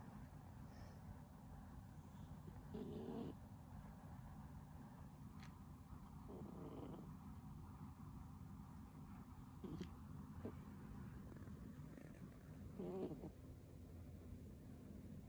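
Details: Sleeping cat snoring unusually heavily that day: quiet, soft breathing snores with some rougher bursts among faint room noise; harmless cat snoring.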